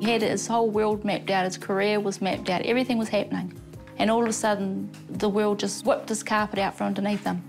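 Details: Adult speaker; normal speech.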